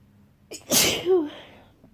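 A quick inward breath, then one loud, wet, explosive sneeze with a trailing voiced tail.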